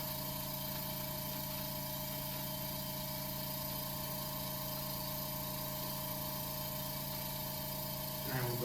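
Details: Steady motor hum with a continuous drone: a suction machine running as a student nurse performs tracheostomy suctioning.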